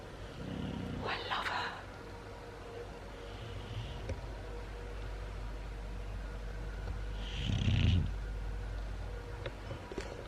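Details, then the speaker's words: A bulldog sleeps and gives low, rumbling snores over a steady background hum. "It's like, I just love the sound of bulldogs snoring. It's so comforting."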